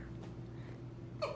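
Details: Newborn baby boy gives a single short, sharp voiced catch over steady low room hum; hiccup.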